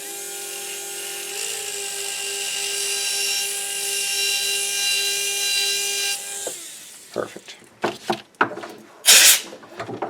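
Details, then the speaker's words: Steady high-pitched motor whine for about six seconds, stopping abruptly, then brief clatter: a 1.2 mm pilot drill preparing one of six maxillary osteotomy sites for SATURNO narrow diameter implants in a demonstration model. "so now I've completed my 1.2 mm pilot drill for all six of my osteotomy positions"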